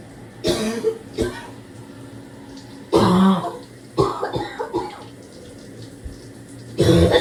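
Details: Deep, harsh barking productive cough in the shower, trying to clear secretions, at times severe enough to double over: several loose, wet-edged coughs over running shower water.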